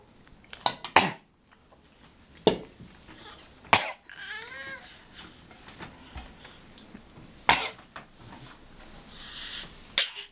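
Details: About six short, sharp coughs over ten seconds from a young girl said to be acting sick, with a brief vocal sound between them and quiet room noise.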